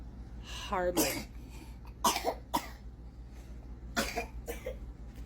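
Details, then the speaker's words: Toddler girl with croup, the day after racemic epinephrine and Decadron, her cough drastically better: several short, harsh coughs with a brief voiced whimper, a milder croupy cough. "I do have videos of her post rimic EPI and Decadron kopy cough her cough today as you heard is drastically better"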